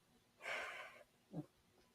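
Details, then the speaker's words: Dog, earlier raspy and coughing, called irritation by vet, now doing reverse sneezes, worse when picked up: harsh raspy snorting inhalation and brief second snort; reverse sneezing. "the next time I went he was doing reverse sneezes so I don't know what's going on it's scary"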